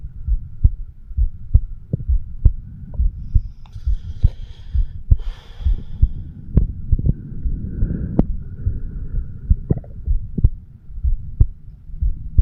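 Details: 36-year-old man recording his own heart with a homemade microphone stethoscope, said to be over the bicuspid (mitral) valve, left ventricle; steady low thumps about 67 a minute with rubbing and hum: heartbeat.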